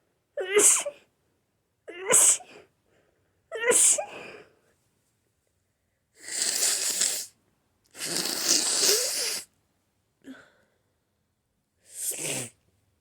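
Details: Three sneezes with audible buildups, then several forceful, noisy sneezes in a quiet room from a person with a cold. Repeated sneezing.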